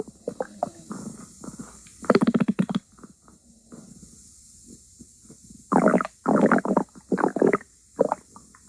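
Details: Gurgling, bubbling rumbles in irregular bursts, some loud and rattling, with quiet gaps between: stomach growling (borborygmi) from gas and fluid moving through the gut.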